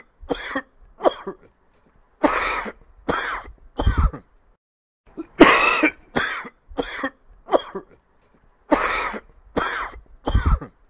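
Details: Repeated short, dry, hacking coughs in quick clusters, a tickly dry irritative cough recorded as a sound effect.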